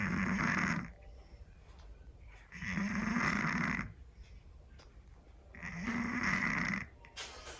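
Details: Sleeping Scottish Fold cat snoring loudly: three loud, rough snores about every 2.7 seconds, roughly 22 a minute, with quiet breathing between; heavy snoring.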